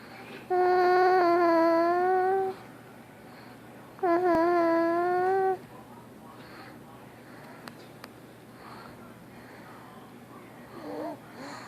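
Two drawn-out, tuneful moans of about two seconds each, with quiet breathing between them. This is vocal moaning during sleep.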